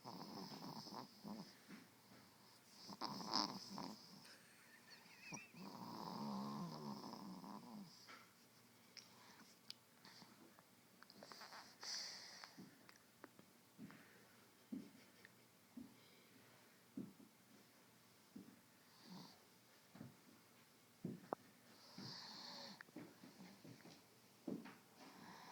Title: Rosie Snoring